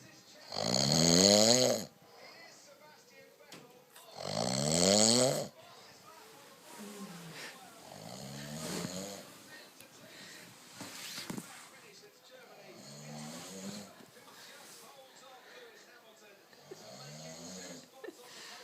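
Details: Adult man (husband) snoring in sleep after drinking too much wine: two loud, rough snores, then softer, irregular snoring breaths throughout; ordinary snoring.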